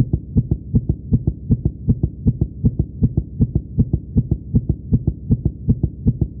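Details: Steady, regular lub-dub heartbeat at about 80 beats a minute with low, clear thumps, heard with a stethoscope; normal heartbeat.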